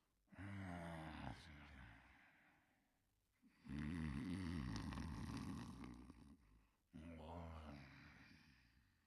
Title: Fafa's Greatest Adventures (1988-1989): Clifford Sleeping and Snoring in 51 seconds